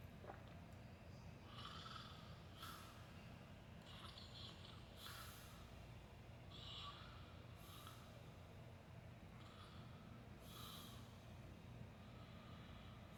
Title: sleeping and snoring